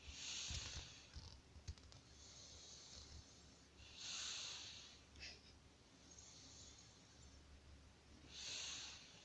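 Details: Puppy sleeping: soft, airy, hissing breaths about every four seconds (roughly 15 a minute) with a faint low snort; quiet sleep breathing with light snoring.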